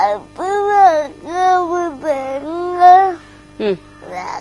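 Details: Ten-year-old boy with cerebral palsy that took away his ability to move, whose unclear speech only his mother could formerly understand; dysarthria.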